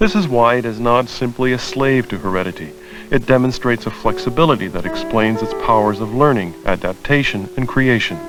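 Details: Adult male narrator; normal speech.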